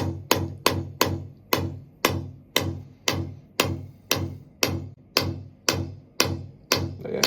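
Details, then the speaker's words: Shockwave therapy on the left knee for chronic knee pain after an old patella hairline fracture that healed incorrectly: sharp, regular percussive pulses, about 115 a minute, with ringing tails. The machine's sound changes over a tender spot. "And then the sound of the machine changes. So I can hear that it's it's a spot also."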